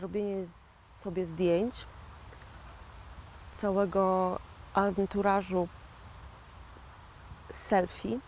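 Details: Post-stroke aphasia in a 41-year-old woman who had a stroke in 2009; finding: aphasia after stroke.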